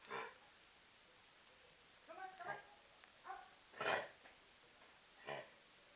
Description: In this video you'll hear what Kennel Cough sounds like.